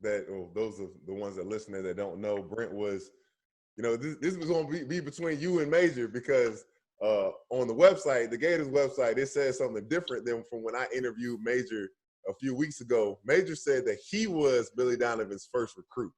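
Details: Adult man speaking; ordinary speech.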